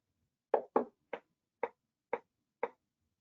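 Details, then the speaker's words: Four evenly spaced sharp clicks from a nerve stimulator delivering a train of four shocks during a repetitive nerve stimulation demonstration on a Cadwell Sierra Summit EMG machine, recording a facial muscle response before face-scrunching exercise; responses look good. "okay so we're gonna give four shocks here and they look good"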